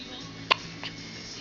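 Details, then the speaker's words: Baby who seems to be getting tired and ready for a nap gives one short sharp hiccup, then a fainter second one, over a quiet room hum; ordinary hiccups. "You have the hiccups? Getting tired? You ready for a nap?"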